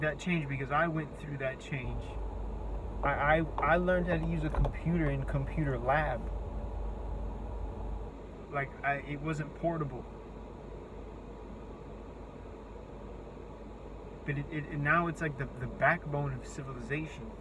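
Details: Adult with a self-reported speech impediment whose words break down completely in face-to-face talk, forcing breaks; many repeated words and restarts heard; disfluent speech (speech impediment).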